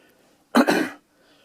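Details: A single short, harsh cough burst from an adult CPAP user of six to seven years, with quiet before and after.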